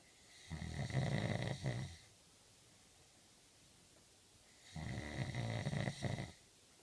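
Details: Student in the UK snoring: two loud, rough, low-pitched snores on inhaling, separated by quiet pauses; snoring.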